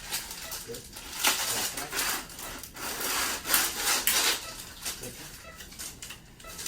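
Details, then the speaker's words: Kyphoplasty for L2 lumbar compression fracture in a woman over 50 (prior L4 compression fracture, pain after lifting a heavy TV): rhythmic rasping, grinding strokes of a hand drill boring a channel through the cannula into the vertebral body for the balloon. "so the doctor's going to use this hand drill to create a channel for the vertebral balloon, for the balloon to go into create a void."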